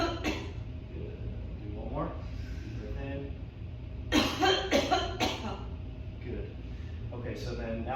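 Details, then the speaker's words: Patient with spinal cord injury gives several short, fairly weak coughs after deep breaths while a student physical therapist applies manual pressure; demonstration of a manually assisted cough. "So what I want you to do is take that deep breath in again and then you're just going to be coughing to that side since I'm going to be on this side."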